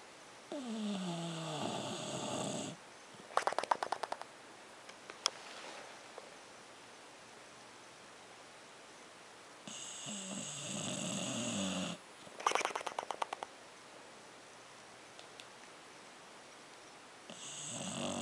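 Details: English bulldog snoring with lips flapping: long, rumbling, whistling snores about every nine seconds, with snorting flutter between them; loud, noisy snoring typical of a flat-faced dog.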